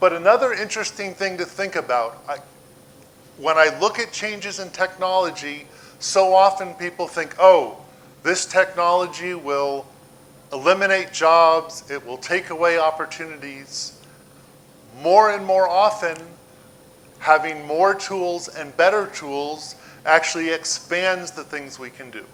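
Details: Adult male speaker; normal speech.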